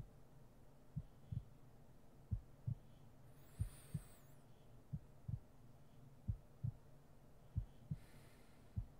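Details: ASMR roleplay sleep-aid heartbeat recording: soft, regular lub-dub beats at about 45 per minute over a faint hum, with a brief rustle partway through; a slow, steady heartbeat.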